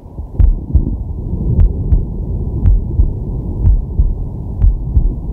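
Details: Man's heart sounds from a digital stethoscope on his chest while relaxing: steady paired lub-dub beats, about 60 a minute, regular rhythm, with low rumbling breath noise; normal heart sounds.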